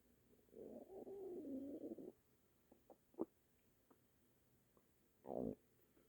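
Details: Stomach rumbling at night: a long low gurgling rumble, a few faint pops, then a shorter gurgle in a quiet room; ordinary bowel sounds.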